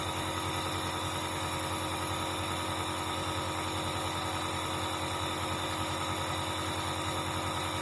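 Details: Dr Trust compressor nebulizer running during a review; the compressor can heat up with long use. The sound is a continuous buzzing motor hum with fast, steady pulsing.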